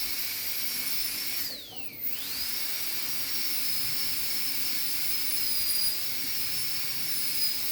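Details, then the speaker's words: High-speed dental handpiece during PFM crown preparation of an anterior tooth, forming the margin after basic reduction: steady high-pitched whine dipping briefly in pitch under load. "अब हम एक margin बनाएंगे कुछ लोग शुरू में margin बनाते हैं और कुछ लोग बाद में बनाते हैं"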